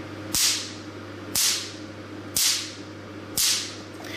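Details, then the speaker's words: 600-picosecond tattoo-removal laser firing: four sharp crisp snaps about once a second over a low hum, loudness indicating very short pulses, unlike longer-pulse YAG lasers; picosecond laser firing. "it's very class poor to start where Christ for and very loud it means the post was very short if the machine can reach this post wise six hundred picoseconds it won't be started like this"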